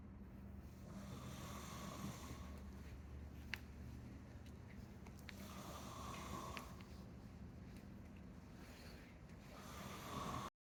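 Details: Very loud, rough, rattling snores recur every few seconds over a steady low background hum.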